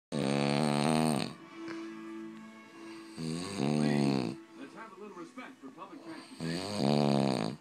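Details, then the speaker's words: Adult man (stepdad) snoring heavily: loud buzzing snores on each breath, about 20 a minute, quieter breathing between, faint background music; a baby sleeps nearby. "I don't know how that poor baby is sleeping in that noise."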